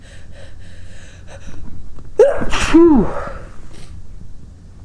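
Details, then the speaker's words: Induced sneeze, triggered with a basil plant stalk and caught in a large grey striped handkerchief: a quick indrawn gasp, then one forceful explosive sneeze. "today I'm using a silk of a Bassel plant and I'm trying to catch the sneezes in a big gray hanky with some stripes on"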